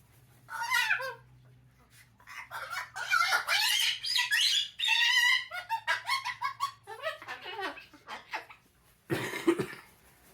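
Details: An umbrella cockatoo chatters and squawks, then ends with a single harsh, cough-like burst that mimics a human cough.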